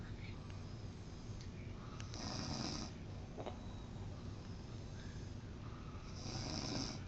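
Low rumbling breaths with rattling, irregular snores over steady room noise; snoring.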